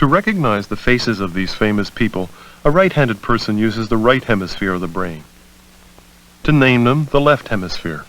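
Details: Adult male narrator; normal speech.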